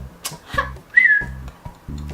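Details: Brief, sudden whistle with a falling pitch from a person with Tourette syndrome: a simple vocal tic, amid other tics ("ha", "mangoes").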